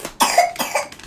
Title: Broski cough🥶 NOT MINE